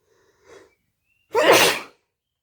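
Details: One sharp, explosive sneeze after a short indrawn breath; the sneeze was deliberately induced by a new method; sneeze.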